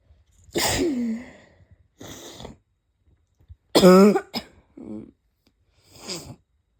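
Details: Person with chest pain after a cold: several abrupt, explosive bursts, some with a voiced catch, fitting sneezes with a little throat clearing or bad barking coughs between them.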